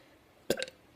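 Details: Deliberate burping on request: one short, loud burp with a brief rumbling tail in a quiet room; burping.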